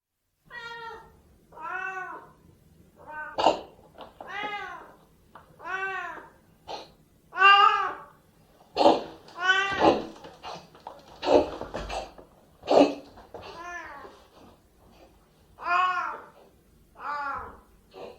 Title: Siamese cats coughing and meowing